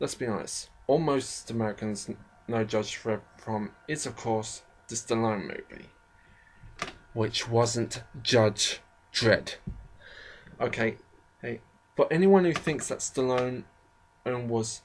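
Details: Speaker with a self-described slight stammering problem who often stammers or pauses, only partly edited out; stuttering.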